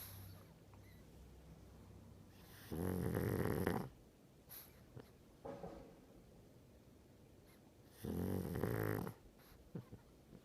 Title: snoring